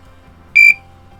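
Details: A single short, high-pitched electronic beep from the LVAD controller of a cardiomyopathy patient, signaling a lost power source: LVAD power-disconnect alarm.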